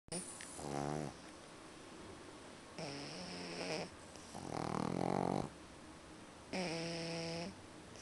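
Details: Pug puppies Tusker and Twiga sound asleep: repeated buzzing, rattling snores, some overlapping and slightly whistly, with short pauses.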